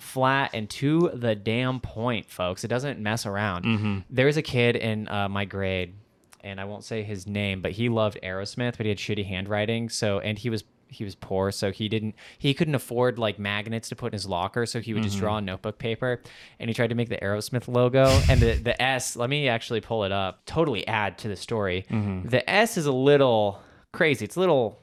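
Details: Adult male speaker; normal speech.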